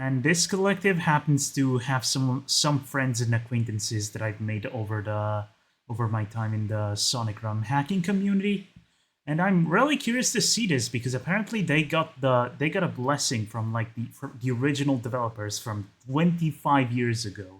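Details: Adult man who calls his own speech a 'stuttery mess'; repetitions of words and phrases; stuttering.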